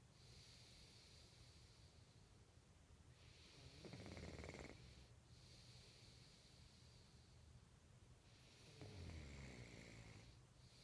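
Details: Snoring recorded in 2014: two slow, rumbling snores on inhalation, about ten breaths a minute, with quiet hissing breaths between and steady room noise.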